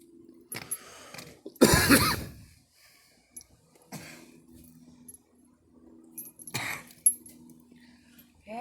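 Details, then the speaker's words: Single harsh cough burst with short throat-clearing afterward while a girl is smoking, as smoke went down wrong, over quiet room noise with a faint steady hum. "yeah that went down wrong too yeah that smoke went down wrong too"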